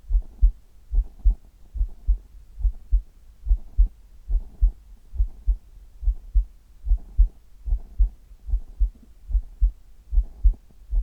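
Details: Steady, soft lub-dub heartbeat heard over the chest in an ASMR recording, about 70 beats a minute, regular with no extra sounds: normal heart sounds.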